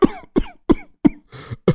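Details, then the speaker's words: Five quick harsh coughs in a row, voiced in a Hindi animated cartoon, from an elderly man with asthma who suddenly breathes fast and holds his chest while sitting in a garden without his inhaler. Simulated asthma cough. "अचानक मोहन जी की सांस तेज होने लगती है। छाती पर हाथ रखते हैं और अस्थमा की तेज खांसी शुरू हो जाती है।"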